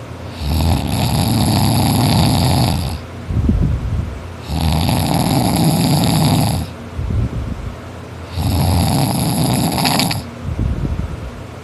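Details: Boy asleep after a tiring day of extra-hard work, snoring non-stop; he notes he snores louder when tired. Loud, harsh, rasping snores on each in-breath, about 16 a minute, quieter out-breaths between; heavy snoring.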